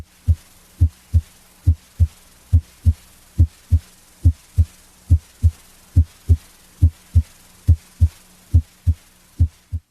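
Steady paired lub-dub heart sounds at about 70 beats a minute, the first sound louder than the second: normal heart sounds at the apex.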